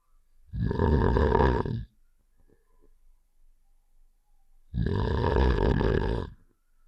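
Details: Two long, deep rumbling snores separated by a quiet pause; simulated cartoon snoring sound effect from the game Save The Shapes (Heart character).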